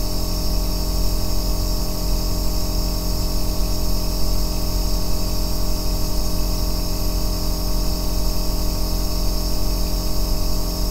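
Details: Aerosol nebulizer running, recorded as deep-bass white noise for sleep and relaxation: a steady, unbroken deep hum and hiss with no breaks or pulses.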